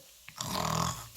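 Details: Imitation of a father's snoring: one brief rattling, buzzing snore-like breath.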